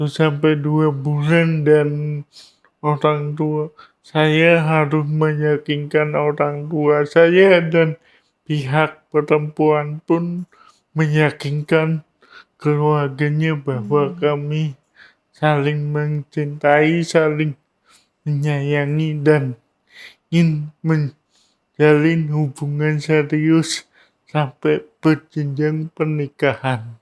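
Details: Adult man with cerebral palsy; dysarthria associated with cerebral palsy.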